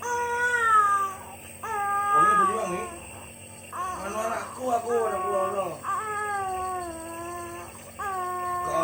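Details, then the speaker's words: Loud, repeated crying bursts from a toddler with a cough from dust allergy who is being nebulized by the mother, with adult voices in the background; strong cry, and breathing is described as not disturbed. "Tapi kan nangis ya, nangis sampai kondisi ya."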